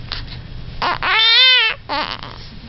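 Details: Infant's short high-pitched squeak or cry between softer breathy sounds, in a sequence with a sneeze and a big yawn; brief infant vocalization.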